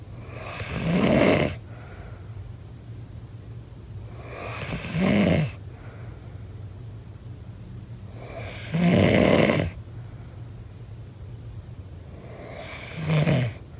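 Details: Snoring during sleep: four loud, rough snores on the in-breath, about 15 a minute, with quiet gaps and steady room hum between.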